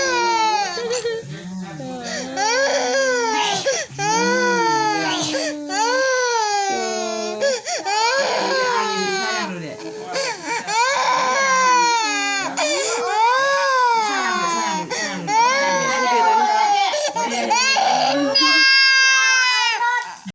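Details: Young child with a cough, being massaged because her body is tired, cries loudly and continuously in wailing bursts with brief catches of breath between them; crying.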